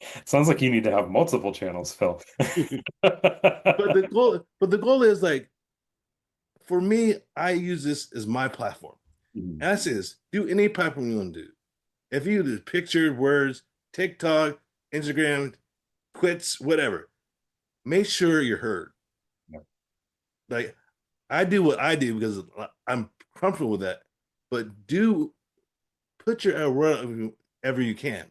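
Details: Adult man with aphasia after a stroke, in recovery with therapy-app practice; aphasia.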